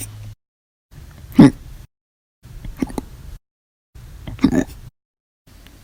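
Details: Violent, loud hiccups in a series recorded 7/26/19–7/31/19, each episode lasting hours after meals and soda: three sharp, abrupt throat gulps about 1.5 seconds apart, each a sudden catch of breath.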